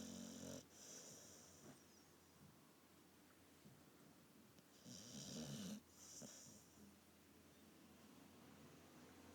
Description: Bubba the Boxer snores in deep sleep